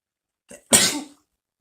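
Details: One soft catch of breath, then a sharp hissing sneeze from an adult male; the clip is titled as a double sneeze.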